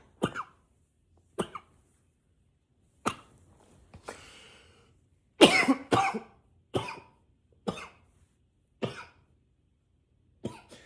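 About nine separate dry cough bursts in eleven seconds, some doubled, with short quiet gaps between; persistent repetitive coughing.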